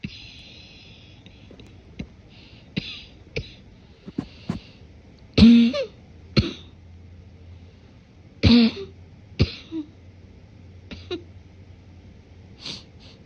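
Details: Morning cough, deliberately stifled to avoid waking someone sleeping: muffled coughs and throat clearing in a quiet room, with a wet, congested quality.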